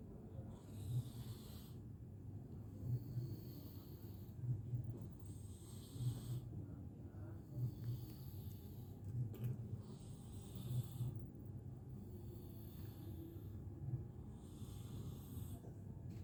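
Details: Sleeping cat snoring in deep sleep: soft, low, regular snores about every 3 seconds over a steady room hum.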